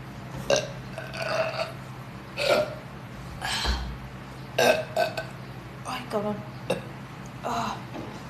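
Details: Young woman deliberately burping for a burping challenge (Sprite): a run of loud, voiced belches in close succession with light background talk.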